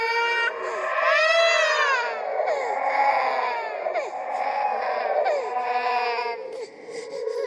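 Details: Horror sound-effect track made from recorded and edited creepy sounds: a wavering, high-pitched infant cry with rising and falling wails.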